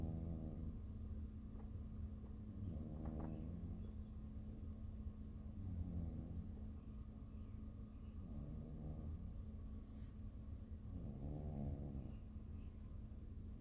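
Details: Ginger cat napping and snoring gently, soft rough breathing sounds every few seconds over a steady background hum; snoring.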